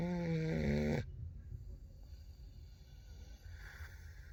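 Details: Snoring during sleep: one short, loud, buzzing snore lasting about a second, followed by quiet breathing and room noise.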